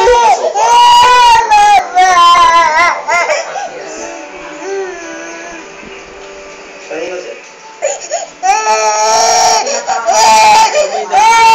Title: Dolphy makes the baby cry